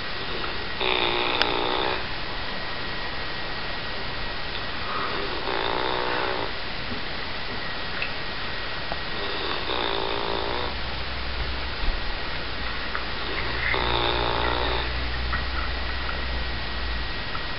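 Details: Female Labrador dog snoring while asleep: four rattling snores, about one every four seconds (roughly 14 breaths a minute), over steady background hum; low-quality recording.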